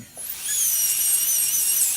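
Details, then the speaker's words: High-speed dental handpiece with a carbide burr giving a steady high-pitched whine as it spins up and cuts a badly seized nut on a stuck low-speed Midwest shorty handpiece, trying not to cut too deep; normal handpiece running sound. "So we'll try not to go too deep, but this one was really seized up, so we'll see what we can do here now."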